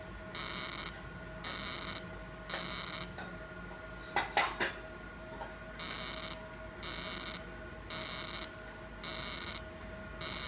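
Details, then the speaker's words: Fractional CO2 laser firing repeated half-second electronic beeping bursts with a brief clatter, treating non-hypertrophic areas of an accident scar on a man's hand after mesotherapy. "so we will cover all the star area whether hypertrophy or non hypertrophy so right now I am working on non hypertrophic area"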